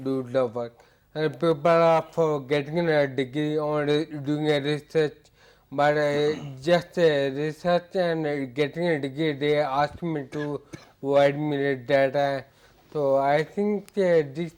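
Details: Ataxic dysarthria in a male patient with hereditary ataxia for about eight years; ataxia described as affecting his speech.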